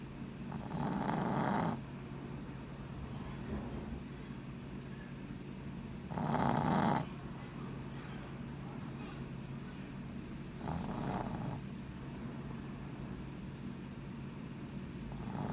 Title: My dog snoring 😴